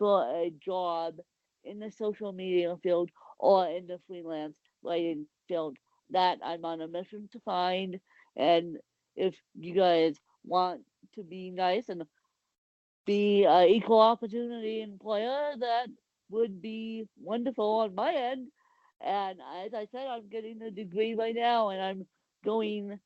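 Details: Adult woman with cerebral palsy, speech difference not named in the source; dysarthric speech associated with cerebral palsy.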